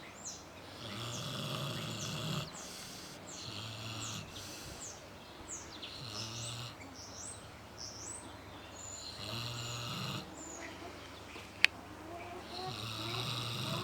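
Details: Pig snoring: repeated low, grunting snores over steady background noise with birdsong; customers say the snoring sounds like a human spouse's.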